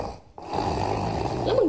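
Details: Drunk elderly man lying unconscious in the road after crashing his motorcycle into a trash bin, snoring loudly; after a brief pause, a loud, rough, rattling breath carries on for over a second: heavy snoring.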